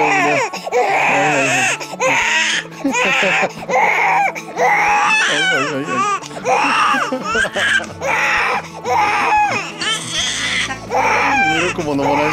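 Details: Loud, repeated crying in strong bursts with short gasps, over faint background music, from a 4-month-old (150-day-old) baby born at low birth weight, held by his father while mother bathes; fussy infant crying hard.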